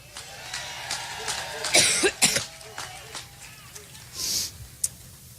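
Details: Adult woman giving a campaign speech in Cleveland has a run of repeated dry coughs and throat clearing with crowd noise behind; she attributes the coughing fit to an allergic reaction.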